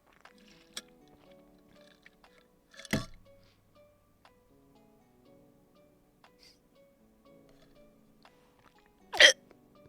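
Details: Hiccups lasting about 1.5 hours in a live streamer, heard while trying remedies; two abrupt, sharp hiccups about six seconds apart, with soft background music and faint sipping noises.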